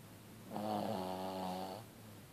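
A single drawn-out, buzzing snore lasting just over a second against a quiet room; a dog snoring in sleep.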